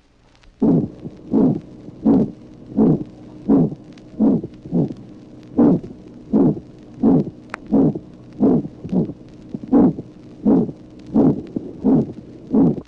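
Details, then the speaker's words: Severe aortic stenosis, from a 1966 auscultation teaching record, tracing 12: harsh, rasping mid-systolic ejection murmur with post-extrasystolic accentuation and a diminished aortic second sound; aortic stenosis murmur. "Tracé numéro 12. Sténose aortique serrée. Souffle d'éjection mésosystolique râpeux. Diminution d'intensité du deuxième bruit aortique."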